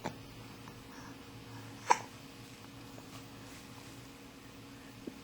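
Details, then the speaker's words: Young child with hiccups after drinking bath water, just out of the bath: a single sharp hiccup catch in a quiet small room, fainter clicks before and after. "say hello to everyone so I have the hiccups I just got out of the bath and I drank the whole"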